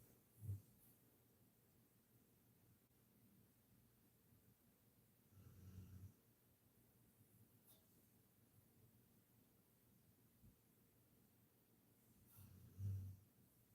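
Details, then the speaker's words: A female dog sleeping in her bed in the background of a room: three soft, low snorting snores at irregular intervals against quiet room noise; dog snoring. "I'm so sorry if you can hear my dog snoring in the background. She's behind me laying in her bed."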